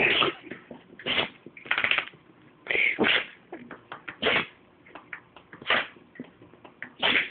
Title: Sneeze Attack